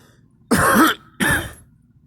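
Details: Adult coughing, two short harsh bursts with a throat-clearing quality separated by a brief pause; the person reports allergies flaring from tree and grass pollen.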